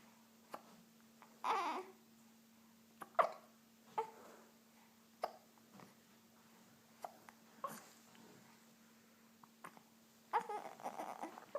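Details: Hiccups in a baby: repeated brief, abrupt catches in breathing with a few soft baby noises between them in a quiet room.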